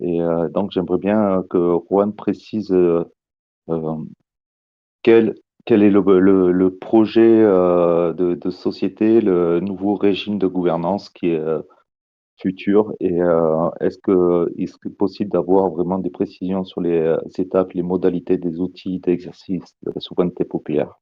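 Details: Adult man speaking French; Normal voice.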